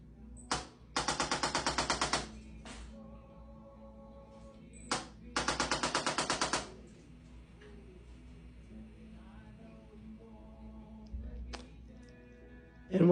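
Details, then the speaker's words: Bursts of rapid mechanical clicking from a chiropractic activator adjusting tool striking tight trapezius muscles of a pregnant patient, with quiet room noise between bursts. "and then we can nudge any of these bones in the direction that we want them to go with the activator this particular patient always has some really tight traps so we're going to hit those muscles as well"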